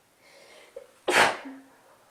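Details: A sneeze during a cold: a soft drawn-in breath and catch, then one sharp, forceful sneeze with brief nasal trailing.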